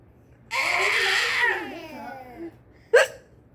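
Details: Baby hiccups: a long infant laugh, then a single sharp hiccup at the end.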